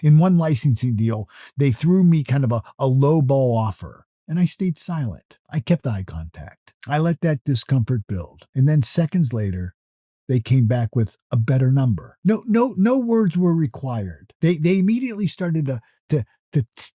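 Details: Adult male motivational speaker who self-reports stuttering or stammering; natural speech with word repetitions; finding: stuttering.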